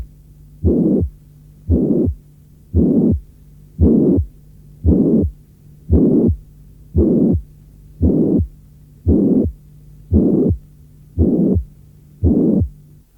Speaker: Un souffle holosystolique très rude, maximal à la pointe, doit faire évoquer une régurgitation mitrale due à une rupture des cordages tendineux.